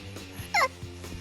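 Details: A single short, sharp hiccup from a baby over steady background hum; ordinary infant hiccups.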